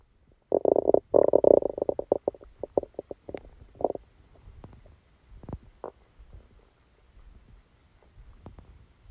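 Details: Bowel sounds during a stomachache after Christmas dinner, recorded while sleeping: loud gurgling rumbles, then scattered softer gurgles and pops; active bowel sounds.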